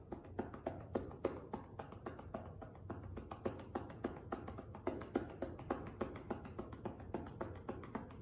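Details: Demonstration of manual chest percussion with cupped hands for postural drainage of the left lower lobe posterior segment, patient prone on a table with a pillow under the chest: rapid, steady hollow popping claps about three per second, shown for 90 seconds.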